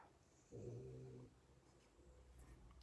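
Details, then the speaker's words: Snoring while asleep with its ball, lion and elephant toys, heard in the background: a bear-like snoring sound. "And I want you to laugh a little bit if you can hear this guy snoring. A bear sound coming out of that little thing over there who likes to sleep with his ball and his lion and his elephant."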